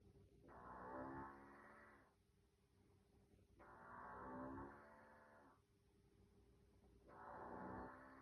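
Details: Mother asleep on a couch gives loud, droning, moaning snores in regular bursts, about 18 a minute, each over a second long, with quiet breathing between them: loud snoring.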